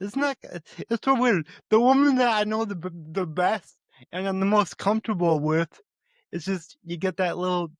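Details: Adult male with a speech impediment who says he stutters, more so when talking with his mother than with most people; stuttering.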